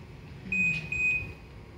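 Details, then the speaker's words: Lifepak AED switched on as the first step in a training lecture demonstration: two short high-pitched electronic power-on beeps before the voice prompts. "so if you want to use the aed the first step is switch on the aed"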